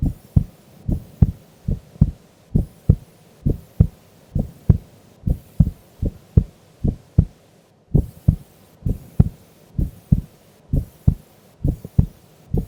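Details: Female recorded asleep during an afternoon nap: steady, regular lub-dub heartbeat at about 66 beats a minute, no added sounds; normal heart sounds.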